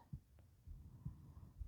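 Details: Soft, low thumps at a steady, unhurried pace over quiet hum: the speaker's own resting heartbeat, recorded for ASMR while whispering a reading of Beowulf, with light tapping and paper sounds; normal heartbeat.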